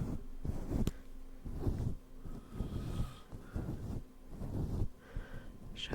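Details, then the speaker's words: Rough, low snoring breaths from the speaker's mother sleeping nearby, heard during an ASMR live stream with soft background music. "heureusement que j'ai rajouté la petite musique histoire que vous ayez moins les ronflements"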